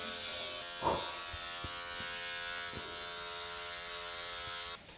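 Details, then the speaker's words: Steady high buzzing of a Dr. Pen M8S motorized microneedling pen on buttock stretch marks (18-needle cartridge, depth being raised to 1.0 mm), with a few soft taps and room sound, during a first at-home session. "I think we're good. But the sound it makes. Wow. So scary."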